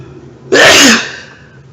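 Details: A single sudden, forceful burst of air with a brief fading tail: one sneeze, deliberately induced by poking the nose with the arm of a pair of glasses.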